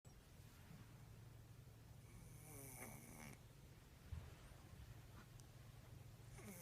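Low, rough rattling breaths while asleep, with a steady low hum of room noise: snoring in a cat.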